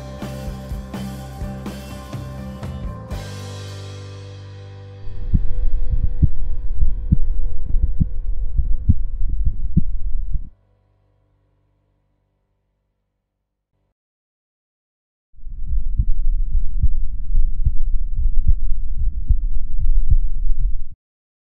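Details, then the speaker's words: Normal heart sounds (S1 and S2) of the recorder's own heart via a DIY electronic stethoscope with microphone: steady low paired thumps, roughly 75 a minute. "to show that it's pretty simple and inexpensive to record your heartbeat sound to listen and interview it thank you for watching"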